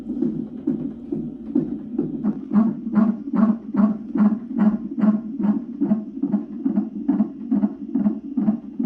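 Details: Rapid, regular whooshing fetal heartbeat near 143 a minute on a fetal monitor during a prenatal non-stress test (NST), checked over mommy fears; afterwards baby girl reported perfectly fine; normal fetal heart rate.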